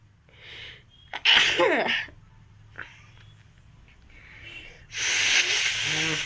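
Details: Sneezing challenge: two loud, acted sneezes with indrawn breath and explosive burst, softer breathy sounds between.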